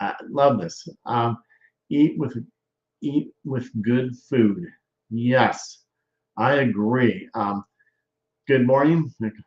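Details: Male stroke survivor with aphasia, with word-finding difficulty evident; aphasia.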